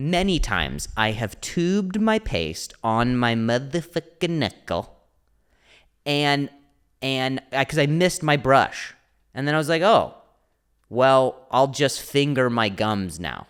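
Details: Adult male comedian with a stutter (speech impediment), speaking spontaneously on his solo podcast; stuttering.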